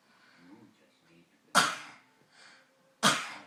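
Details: Dog with a chronic cough lasting about 3 weeks that won't resolve, cause unknown: two sharp, harsh coughs with a softer one between.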